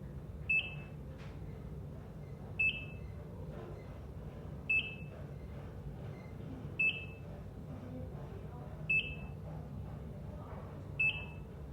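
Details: Regular high-pitched beeps about every two seconds, around 29 per minute, over quiet room noise: ECG heart monitor beep sounds.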